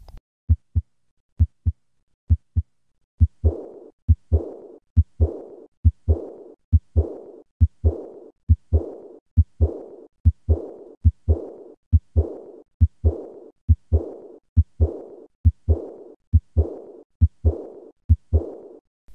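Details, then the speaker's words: Aortic regurgitation murmur: high-pitched diastolic decrescendo murmur beginning immediately after the second heart sound, heard best at the third or fourth left intercostal space with the patient leaning forward. "in summary the murmur of aortic regurgitation is a diastolic decrescendo murmur which is high pitched in character and heard best in the third or fourth left intercostal space"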